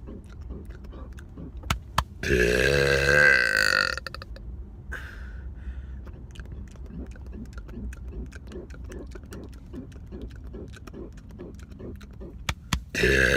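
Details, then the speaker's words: Deliberate burp by a man in a car: a long, loud, voiced belch of about two seconds, with faint clicks and room noise before and after. "what's up guys it's here today I'm going to be doing another car burps"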